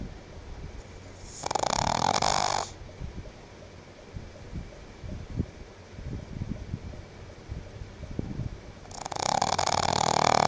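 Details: Female pet pug snoring while sleeping in the cool air-conditioner breeze after a long day: two loud, harsh snoring breaths about seven seconds apart with soft snuffles between.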